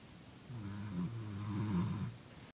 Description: During the recent power outage we were all camped out in the living room and Molly the Corgi was snoring blissfully at 3 am